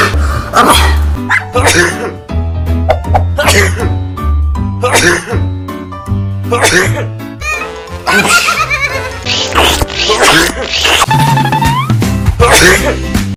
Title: COVID-19 WARNING All Sneezes Malabon City 🇵🇭